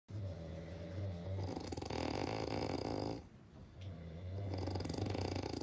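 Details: Dog snoring: continuous rumbling, snorting breath sounds with a brief pause, rising and falling with breathing.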